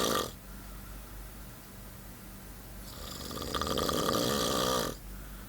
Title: Snoring Beauty